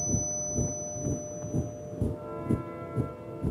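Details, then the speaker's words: Simulated tinnitus with a rhythmic component, described as storm troopers marching on loose gravel with an overlapping high-pitched whine: a low whooshing thump about twice a second under steady whistling tones. "it's called tinnitus the experience of hearing sounds that don't have an external source one in ten of us have it one in a hundred are seriously affected by it people hear noise tones rhythmic sounds"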